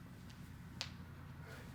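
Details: Chiropractic manipulation across the forefoot during a full-body joint adjustment: a single sharp, brief pop over quiet room hum, joint cavitation (joint pop).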